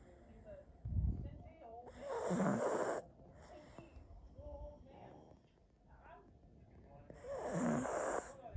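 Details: A sleeping pug snoring loudly and roughly on two breaths about five seconds apart, with snorting, rattly noise; snoring.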